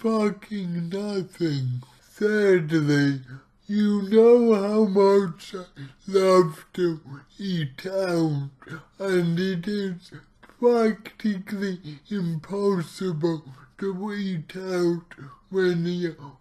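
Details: Male speaker with cerebral palsy, real not acted, trying a keto diet; dysarthria (cerebral palsy).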